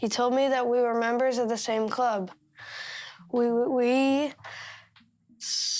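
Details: Child who stutters.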